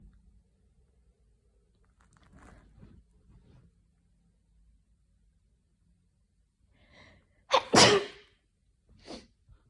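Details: Winter sneezes from cold air or indoor heating in someone with slight dust allergy who usually sneezes twice; possibly recorded with itchy nose, headache, suspected oncoming cold: quiet breathing, loud explosive sneeze, smaller second sneeze.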